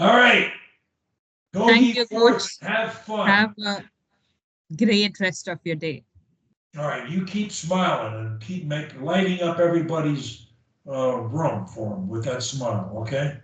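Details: Adult speaker; Fluent speech.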